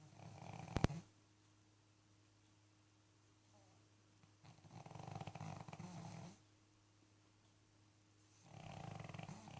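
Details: Pug snoring at Christmas: soft, rattling snores about every four seconds in a quiet room, with a brief click near the start; snoring of a flat-faced dog.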